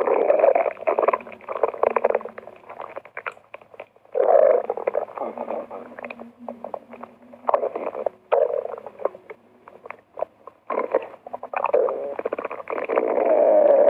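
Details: Borborygmi on an empty stomach: loud, prolonged gurgling and rumbling with bursts of bubbly crackling from the abdomen; ordinary stomach rumbling.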